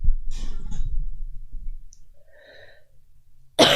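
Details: A low, muffled cough followed by quiet breathing, then the start of another burst, from a woman who says she coughs a lot all night.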